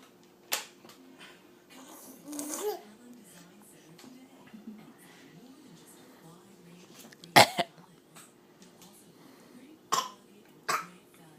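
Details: Infant giving several short, sharp deliberate fake coughs between soft babbling in a quiet room; voluntary cough.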